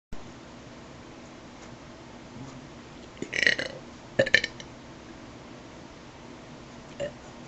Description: some burps